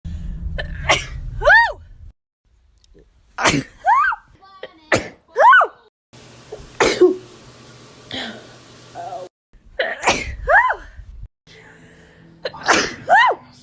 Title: 100 Miles per Hour (a sneeze compilation)